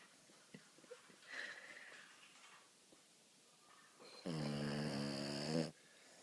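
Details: Very loud snoring in a sleeping French bulldog: soft breathing noises, then one loud, buzzing, whistling snore lasting over a second.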